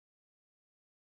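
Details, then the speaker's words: After a silent half second, a short musical whistling tone of steady pitch lasts about half a second: a wheeze. "para que se produzca debe haber una obstrucción de la vía aérea un ejemplo de ello es cuando hay obstrucción por el cuerpo extraño tapones de moco tumor"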